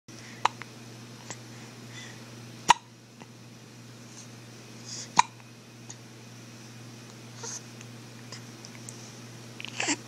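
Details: Sharp, sudden hiccup clicks recurring at irregular intervals over a steady background hum; hiccups.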